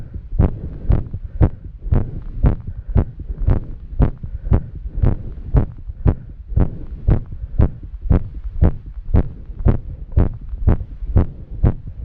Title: Arrhythmia and heavy breathing in a woman after exercise